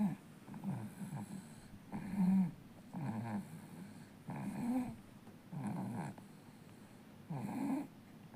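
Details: 4-month-old baby snoring loudly.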